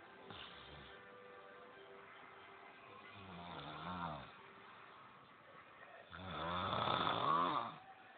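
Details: Snoring during sleep: two rough, rattling breaths, the second louder and longer, over quiet room noise; snoring.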